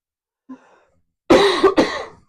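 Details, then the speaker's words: Adult coughing during a live Q&A, microphone deliberately placed farther down: a faint breath, then two harsh, closely spaced cough bursts, slightly distant from the microphone; cough. "On the sound, I have the microphone farther down on me because you're going to hear me coughing and I don't want to cough directly into the microphone."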